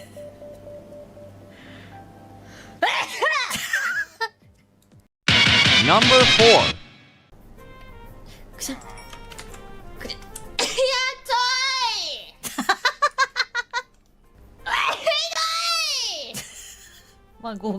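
A forceful, explosive sneeze from an adult woman, preceded by catching breaths, over background music.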